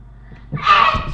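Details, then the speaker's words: Boy with self-described very loud sneezes: a short indrawn breath followed by a loud, explosive single sneeze. "You know, I sneeze, it's so loud, it hurts my brother's ears."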